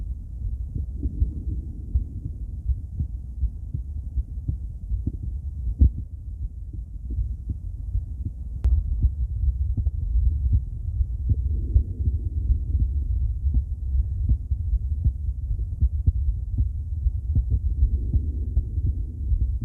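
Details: Female heart auscultated with different stethoscopes, moving through Erb's point, mitral, tricuspid, aortic and pulmonic sites; regular low thumps about 80 per minute with light stethoscope handling noise; normal heart sounds.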